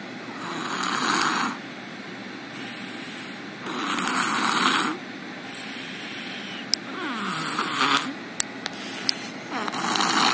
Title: Snoring (2)